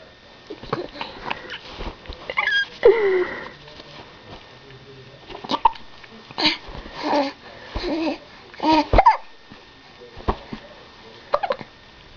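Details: Infant aged 3.5 months with hiccups: short, abrupt catching sounds repeat among soft baby babbling and sighs, heard in the morning.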